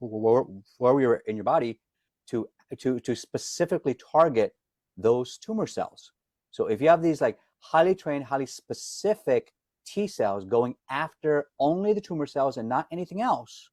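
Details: Adult man, self-described stutterer, can hide it when singing as a classically trained opera singer; some repetitions audible; stuttering.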